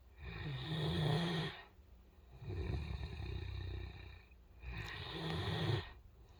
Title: A Snoring Great Dane